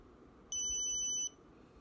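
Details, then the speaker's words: Omnipod insulin pump: one steady high-pitched electronic beep under a second over quiet room noise, an alert when the PDM controller is too far from the pod during a pod change. "you're gonna hear two beeps the two beeps will let you know that the pod is ready to be activated"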